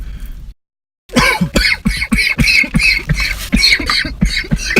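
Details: A rapid run of about a dozen short, harsh coughs in quick succession after a brief silence; a coughing fit from a coughing compilation.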